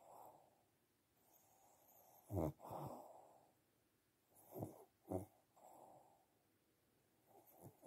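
Soft snoring breaths with snorting bursts on inhalation, about 22 per minute, from a sleeping small flat-faced dog.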